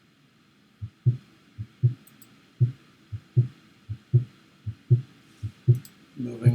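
Regular paired lub-dub heartbeats, about 78 a minute, clear S1 and S2 with steady rhythm; normal heart sounds. A brief rustle at the end.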